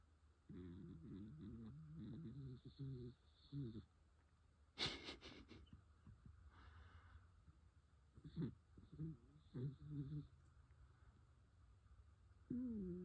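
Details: 14-year-old dachshund sleeping at bedtime, snoring in long, fluttery, slightly whistling breaths with a sharp snort in between.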